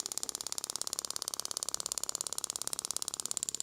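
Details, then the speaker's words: Radial shockwave therapy (ESWT) live demonstration at 2.2 bar, 3000 shocks, 17 Hz, handpiece held at about 45 degrees and moved over the tissue: rapid, steady, sharp tapping pulses about 17 per second; device firing. "elevant for the study and I'm using a 2.2 bar 3000 shocks on 17 Hertz yep so it's quite high not at the full depth"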